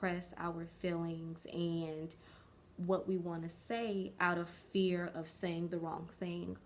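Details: Developmental stuttering in an adult woman, present since early childhood, with words or syllables dragged out for a long time; she is still working past it as an adult.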